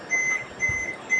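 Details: BLS training demonstration with a manual defibrillator: high-pitched steady device tones repeating after charging, then a brief low thud as a repeat shock at the same joules is delivered; defibrillator shock delivery.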